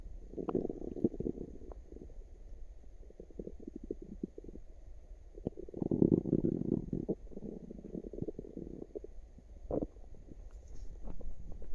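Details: Active tummy with some burps at the end: frequent low gurgling and rumbling bursts from the abdomen; active bowel sounds (borborygmi).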